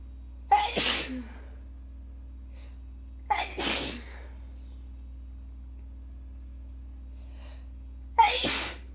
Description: Today was probably the worst day of my cold making for some epic sneezy moments.